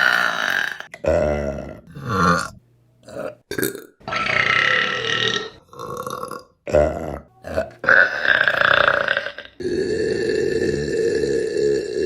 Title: Burping Compilation April 2023 #4 | RBC